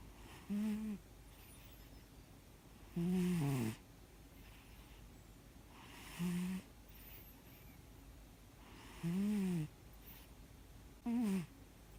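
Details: 13-year-old large-built male cat snoring loudly while asleep: soft, low, tonal snores about every two to three seconds, five in all, over quiet room noise.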